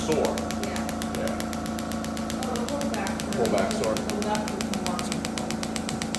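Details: Shockwave therapy device delivering rapid regular clicking pulses during treatment of structures for lower back pain and hip mobility, with music and brief talk in the background.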